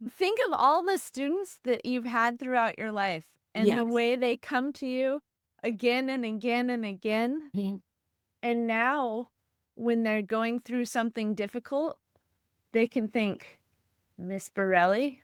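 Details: Adult woman speaking; normal speech.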